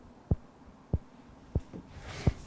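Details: Mechanical heart valve clicks from a 26-year-old man two months after nearly dying, sharp regular clicking beats about 95 a minute, audible from a couple of meters away.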